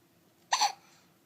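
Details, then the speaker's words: Young child with hiccups who is awake: a single short, sharp hiccup in a quiet room; hiccup. "What you doing? You got hiccups? I have hiccups too."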